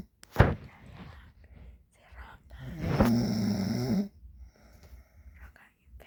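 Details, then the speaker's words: A man recorded snoring while asleep, after denying that he snores: one loud, rattling inhaled snore lasting over a second, with quiet breathing and soft clicks in a small room. "Ya vieron se ronca el asqueroso. Y dice que no. Ronca más feo él que yo."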